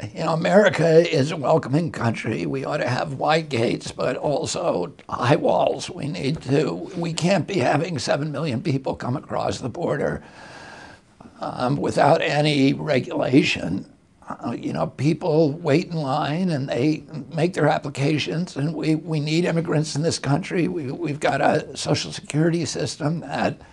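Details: Adult male with spasmodic dysphonia, which he says began at age 42 in 1996 after a neurological injury. He attributes it to his brain sending wrong signals to his vocal cords, not to the cords themselves. Real interview speech.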